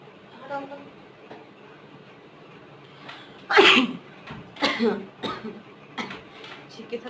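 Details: Sneeze deliberately provoked by tickling the nose with grass: a sharp, loud sneeze burst followed by a few smaller explosive sounds and breaths.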